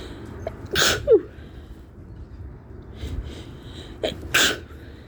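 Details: Woman with tree-pollen allergy, sneezing for about a week, stifling sneezes at a bus stop: two fairly quiet, sharp sneezes about 3.5 seconds apart over traffic noise; allergy sneezing.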